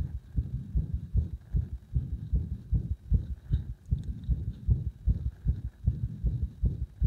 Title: 心臓の圧迫を徐々に強めて不整脈起こさせました